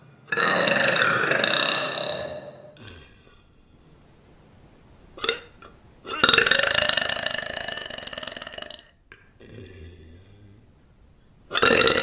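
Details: Person burping without drinking anything, excusing it as something in the throat: several long, loud, voiced belches separated by quiet pauses, with brief voices and applause between them.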